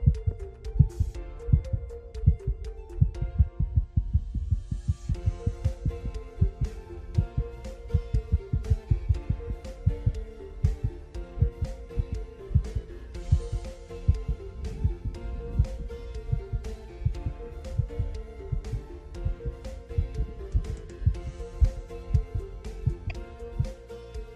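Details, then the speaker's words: Irregular, unevenly timed low heart thumps from a cat, music in the background; rhythm runs normally, then suddenly breaks into very rapid pounding; cardiac arrhythmia. "Escuchen este muy particular. Viene el ritmo, viene el corazón y de repente entra en un golpeteo muy rápido."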